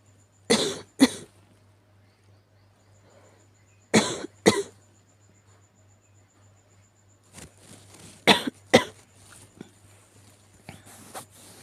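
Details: Cat's cough: paired, sharp, harsh coughing bursts in three bouts, about six coughs in all, with faint scuffling noise between them; sick cat coughing.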